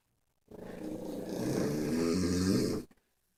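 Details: Sleeping pug, a flat-faced dog, snoring among several sleepers: one long, rattling, growl-like snore lasting about two seconds; snoring.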